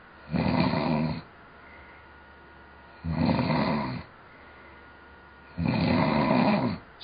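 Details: Three loud, rough, rattling snores on the in-breath with quiet pauses between, about 22 a minute, from a sleeping person heard over a Skype call; snoring.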